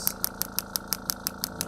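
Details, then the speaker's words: Radial shockwave therapy for lumbar disc pain, wand applied up and down the lower back of a seated, slouched patient with pelvis rolled back during a provider seminar: sharp regular clicks about six a second over a low machine hum. "So, Doc's going to show you the actual treatment stuff what we would do and he's going to do 75 reps about each time, but you guys are only going to do one spot and then 25."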